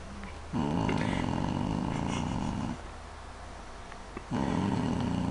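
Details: A mother asleep, recorded by her son: two loud, long, rattling snores separated by a quieter pause; heavy snoring.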